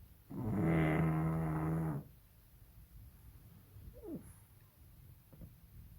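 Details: Snoring from Molly, a sleeping baby pug: one buzzing, rumbling snore lasting under two seconds, then quiet with faint small noises.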